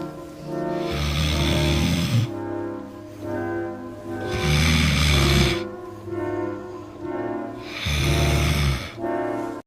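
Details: Snoring: loud, rumbling snores about 18 times a minute, each a rough low buzz on the in-breath, with music playing behind.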